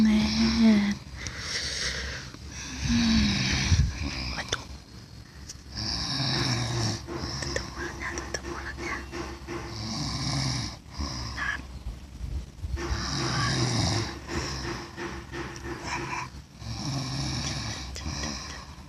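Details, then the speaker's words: Man snoring with an open mouth during sleep: rough, rattling snores about one every four seconds, with background noise and remarks about his snoring. "net net enak ngorok bang."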